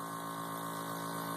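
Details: Jet nebulizer (small-volume nebulizer) compressor just switched on, about 2 cc sterile saline in the cup and no albuterol: steady droning motor hum with a buzzing tone, running normally.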